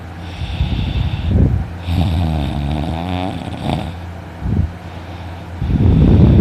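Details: Person snoring loudly after sleeping in, later with a sore throat: loud, rough, rattling inspiratory snores with a harsh vibrating quality; heavy snoring.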